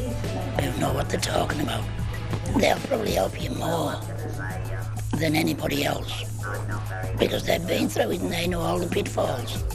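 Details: Man after laryngectomy (voice box removed) speaking with an alaryngeal voice, who also describes using a voice valve and oesophageal voice; alaryngeal speech after laryngectomy.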